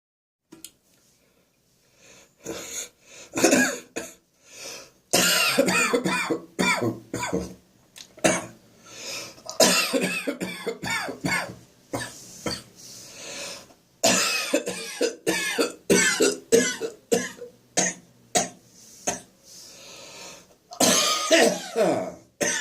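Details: Adult's morning coughing fit from acid reflux in the throat: prolonged repeated harsh cough bursts with throat clearing.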